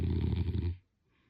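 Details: A sleeping person gives one low, rumbling snore lasting under a second, then silence: snoring.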